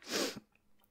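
A single loud, breathy acted sneeze with a short catch of breath at the end, in a quiet room.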